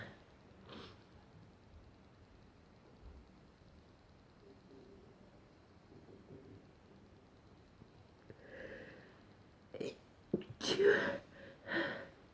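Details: Morning sneezes: a quiet stretch with sniffs, then a few sharp sneeze bursts close together near the end; no wheeze heard.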